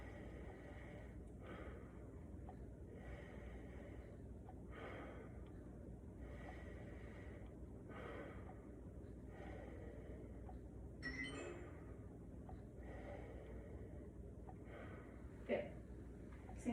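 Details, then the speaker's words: Posterior chest auscultation with stethoscope on the back of a male during a health assessment, deep breaths on request: soft, airy, steady breaths without wheeze or crackle; normal breath sounds with normal symmetry. "have normal breath sounds and normal symmetry when he's breathing"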